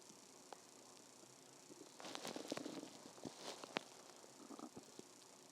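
Soft irregular gurgles and bubbling rumbles over quiet background noise; ordinary stomach growling from gas and fluid moving through the gut.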